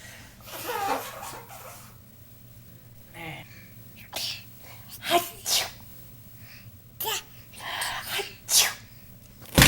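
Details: Several short, sharp, closely spaced sneezes from a small dog, with soft human laughter in the background.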